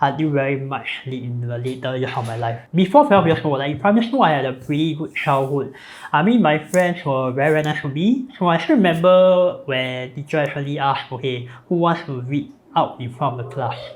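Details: Adult man born with a cleft (hole between nose and mouth), palate repaired, numerous facial surgeries from age 13, speech impediment since childhood; cleft palate speech.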